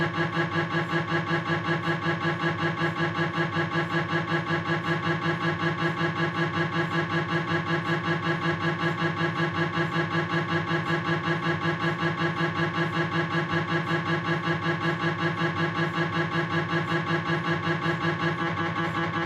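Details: Knee MRI on a Philips 1.5 T scanner, proton density fat-suppressed coronal sequence: steady, rapidly repeating mechanical knocking and buzzing pulses. MRI scanner noise.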